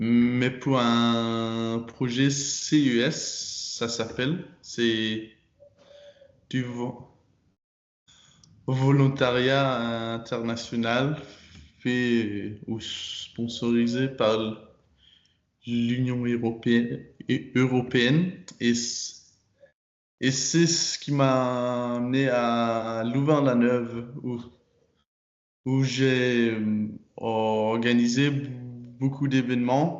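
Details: Stuttering in a 22-year-old man speaking French; he began actively working on his stutter in his final year of high school, which he says changed it a lot.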